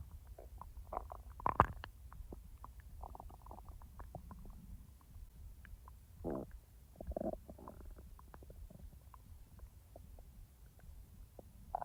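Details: Adult's own stomach recorded when digestively active and edited, not in real time: soft gurgles and low rumbles at irregular intervals, ordinary digestive bowel sounds (borborygmi).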